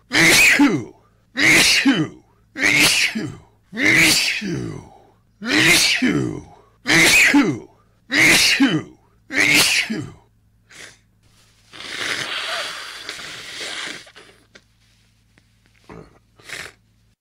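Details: Rare rapid sneezing fit attributed to tree pollen allergy: a run of eight sharp sneezes about a second apart, then quieter breathing and rustling.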